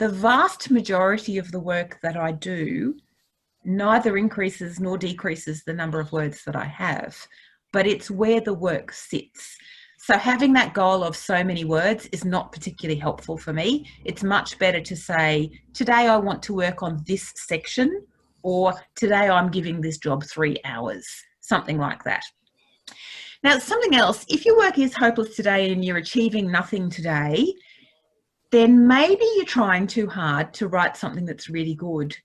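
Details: Adult woman speaking; normal speech.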